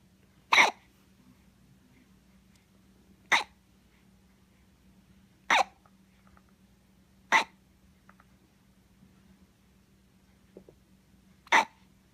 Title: When hiccups don't let you sleep